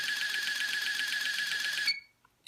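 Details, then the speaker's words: BodyGuard 323 programmable infusion pump priming its tubing with a prime volume of 8 ml, simulated during pump training: steady mechanical whirring with fast regular pulses for about two seconds, then stopping, a normal operating sound. "so right now what's happening is we're simulating fluid running from the tubing from the bottle through the tubing and coming out the termination"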